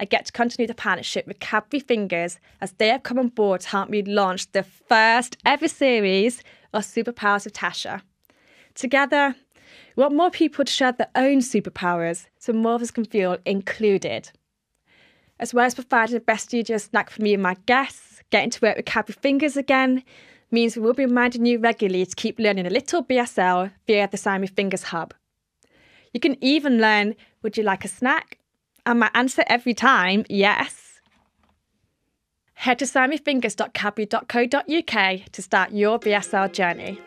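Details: Adult woman; normal fluent speech.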